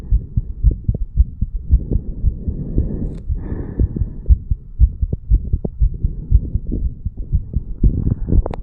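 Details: Heart sounds of a 34-year-old male recorded at the mitral area after a farmers walk exercise: fast, regular low thumps at about 118 beats a minute, normal heart sounds quickened by exercise.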